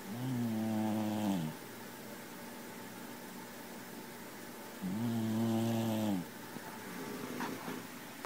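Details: Sleeping cat: two long, tonal, rumbling snores on inhalation about four seconds apart; ordinary snoring.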